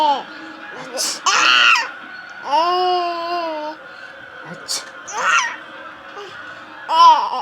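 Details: Infant boy laughing at his mother's fake sneezing: bursts of infant laughter and squeals trade with an adult's playful mock sneezes in a small room; happy play sounds.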